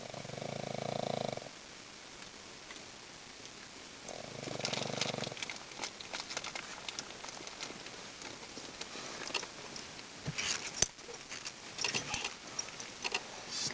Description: Our Pug Salinger fell asleep in the car after playing with his other Puggy friends today.